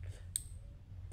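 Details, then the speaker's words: Symbicort Turbuhaler, a prescribed asthma controller that is new with 60 doses: a single sharp click over room hum as the base is twisted right and left, loading a dose before inhaling. "hanggang ikaw ay maroong marinig Na click then ang pag inhale nito ganito"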